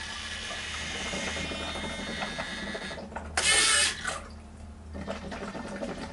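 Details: Motor whine, then a brief loud rush of air as a breath is delivered by a homemade DIY positive-pressure mechanical ventilator (volume 1.4 L, flow 100 l/min, pressure 250 mmH2O, intrinsic PEEP 100 mmH2O) in a demonstration.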